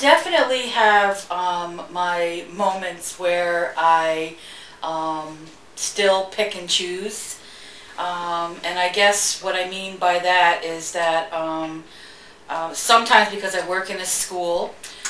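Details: Adult woman who stutters and openly discloses it: stuttering.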